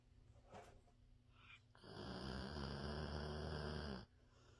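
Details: Pet sleeping with tongue hanging out, snoring.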